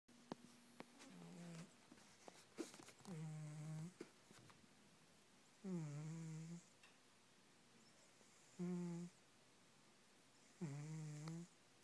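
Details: Sleeping pet cat snoring: low, rumbling, droning sounds recurring every few seconds, about five in the clip, loud enough to be mistaken for a person sleeping nearby.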